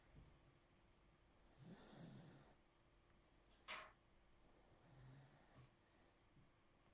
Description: Candy lying on my lap, snoring and dreaming.